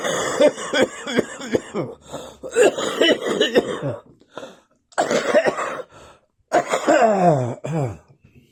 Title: This cough has gone onto my chest!